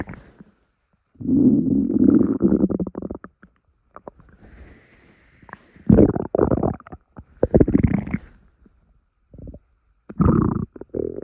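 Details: Morning stomach rumbles: rolling gurgling rumbles with squeaky pops and a brief whining tone; borborygmi.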